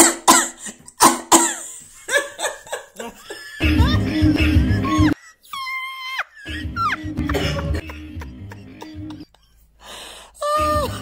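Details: A quick run of sharp, dry coughs, then upbeat music and laughter: ordinary, light-hearted coughing.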